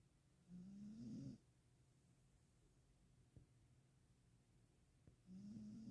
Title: Judith Snoring #funny #cute #dog #doglover #cutedog #cuteanimals #sleep